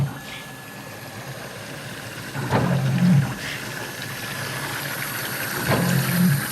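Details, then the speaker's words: Open prototype emergency ventilator, 3D-printed and low-cost, cycling: a precision motor squeezes a resuscitation bag with oxygen, low whirring and clicks recurring; breaths per minute and inspiration-expiration ratio are set on its interface. "aici avem motorul de precizie care mișcă aceste piese System and balonul De resuscitare asta este interfața grafică de unde puteam controla numărul de respirații pe minut și rația între expir și inspir"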